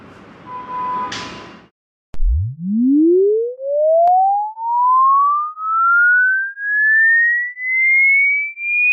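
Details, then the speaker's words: Online ear-age hearing check: after a brief burst of music, a pure tone pulses about once a second while sweeping upward from a deep hum to a high pitch; missing some frequencies may suggest mild hearing loss; hearing test frequency sweep. "अगर आप सभी sound सुन लेते तो आपके कान अब भी जवान है। लेकिन अगर कुछ फ्रीक्वेंसी आप मिस कर जाते हो तो आपको हल्की सुनने की कमी हो सकती है।"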